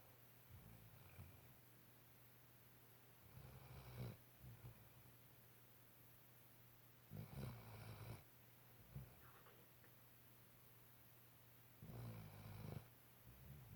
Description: Sweet puppy softly snoring